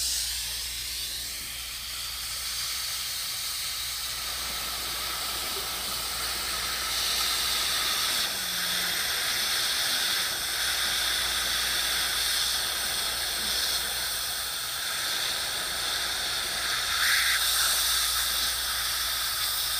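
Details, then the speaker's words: Dental water spray with suction rinsing etch off the lower teeth before bonding a lower permanent retainer: continuous loud hiss. "I like to do the suction and the water because I've complete control over everything and where the where the water is going just so that we don't get a mouthful of water"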